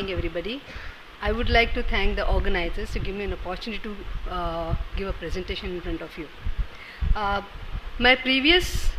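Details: Adult speaker, lecture; ordinary speech.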